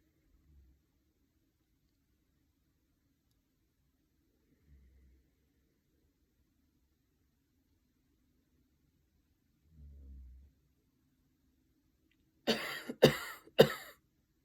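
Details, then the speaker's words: A deliberate post-surgical coughing exercise done sitting upright: two slow deep breaths, a third deep inhalation held for a count of three, then three forceful consecutive coughs without inhaling, to clear mucus from the lungs. "you take two slow deep breaths then inhale deeply for a third time then you hold that breath for a count of three and then you cough um two to three full consecutive coughs without inhaling"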